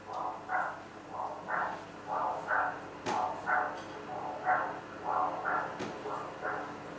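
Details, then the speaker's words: Doppler sounds from an echocardiograph: rhythmic whooshing pulses about once a second with each heartbeat, which technicians use to judge the direction and force of blood flow across a valve. "okay so the technicians who do this technique use those sounds in order to interpret the images those sounds are created well they tell you the direction of the blood flow and the force of a blood flow as it goes across a valve"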